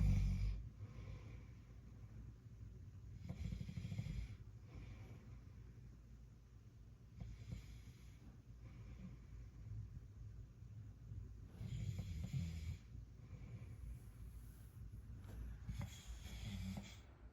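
Low, rumbling snores repeating every four to five seconds, about 13 a minute, over quiet breathing.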